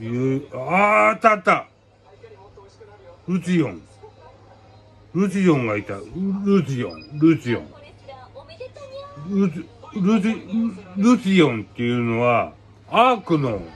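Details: Man with aphasia and hemiplegia after a cerebral hemorrhage (per hashtags), speaking Japanese with garbled, repeated words.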